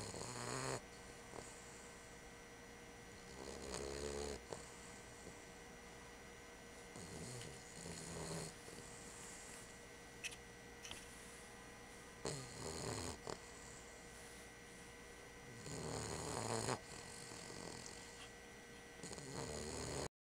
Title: Bubba Snoring!!